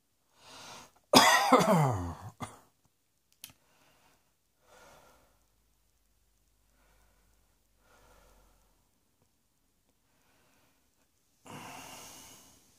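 A loud, harsh cough burst followed by a few softer coughs and breaths in a small, quiet room.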